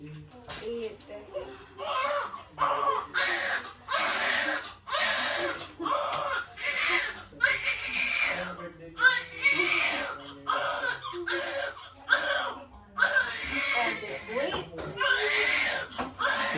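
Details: Newborn just after a normal vaginal birth at 11:48 pm: repeated loud, high-pitched, vigorous cry bursts with short breaths between, and faint background voices; newborn cry.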